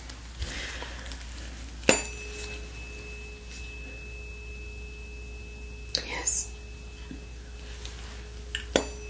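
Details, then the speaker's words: Tuning fork struck and ringing with a steady pure tone, fading slowly, then struck again, during a roleplay shoulder exam on a real person; placed on chest, scapula, clavicle and shoulder joint to test vibration sense. "Okay, next up, I'm going to use my tuning fork here and cause a vibration, and I'll place it on the bony prominences of your chest, on your scapula, clavicle, and your shoulder joint."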